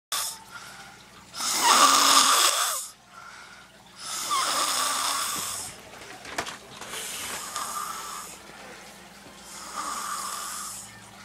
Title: snoring like a pro